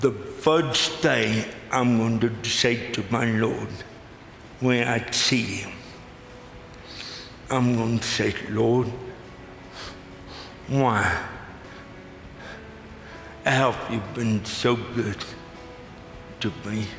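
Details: Adult male with lifelong cerebral palsy; speech described as pretty dramatically affected and possibly difficult to understand at first, with forming words the toughest part for him; dysarthria (cerebral palsy).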